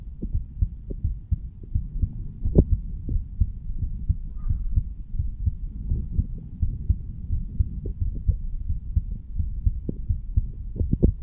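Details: A 35-year-old male, standing, recorded his own heartbeat at the mitral (bicuspid) valve area: steady low thumps against a muffled rumbling background, normal heart sounds.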